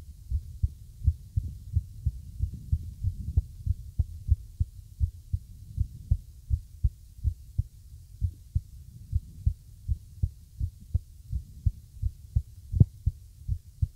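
Low, dull heartbeats with uneven spacing between beats throughout, an irregular heart rhythm.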